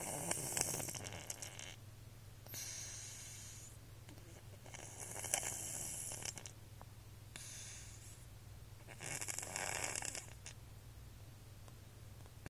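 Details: Sleeping cat snoring: soft hissing breath sounds in a repeating pattern of roughly 2-second cycles over a steady low hum.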